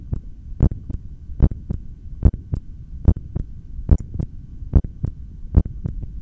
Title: Record 3:17 Exhaled and 4:18 Inhaled Breathholds with Heartbeat Audio (Steth)